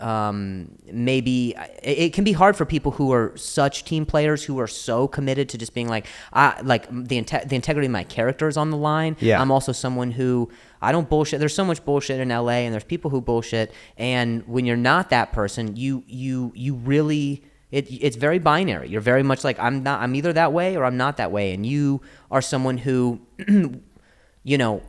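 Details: Adult male comedian who stutters, in spontaneous conversation with word and phrase repetitions. Stuttering.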